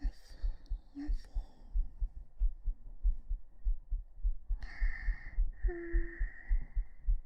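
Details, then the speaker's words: Heartbeat ASMR recorded with a 3Dio binaural microphone during a hugging sleep-aid stream: soft, steady low thumps at roughly 100 a minute under rustling and whispers, pulse called slightly fast; normal heart sounds. "心臓入りました。聞こえた。あったあった。"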